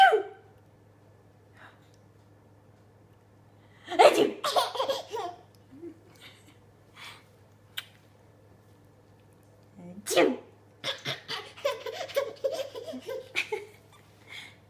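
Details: A single sharp sneeze from an adult, followed by a baby's bursts of laughter. Sneezing.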